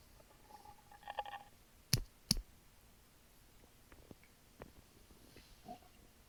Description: I drank a small can of Sprite while recording my stomach and it caused quite a ruckus.